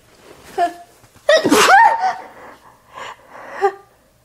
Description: Some messy, snotty sneezing into a tissue.